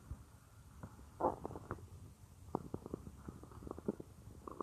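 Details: Woman's stomach growling, recorded while she works at a computer: soft gurgles and short rumbling bursts over faint room hiss; ordinary bowel sounds.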